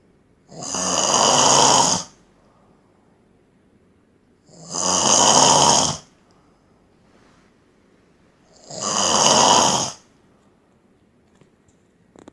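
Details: Man snoring while asleep at an event in Solo, Indonesia: three loud, harsh snores about 4 seconds apart, roughly 15 a minute, with quiet pauses between; heavy snoring said to be louder than a phone alarm.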